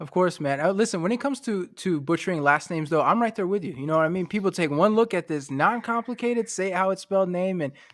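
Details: Adult speaker, conversational recording; normal speech.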